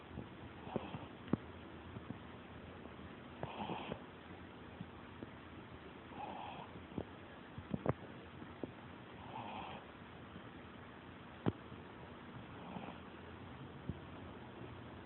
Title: Snoring puppy